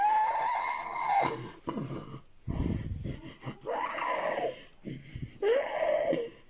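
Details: Female patient with recurring seizures, at the end of a tonic-clonic seizure: strained, groaning, heaving breaths with noisy gasps and pauses; the end of the seizure is hard to separate from recovery.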